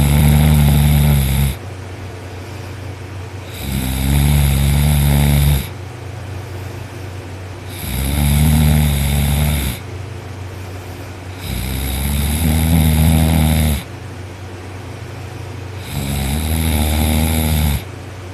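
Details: Person asleep on their back with an arm over the head after a long workday: loud, deep rumbling snores on each breath in, roughly 14 breaths a minute, with quieter exhalations between; heavy snoring.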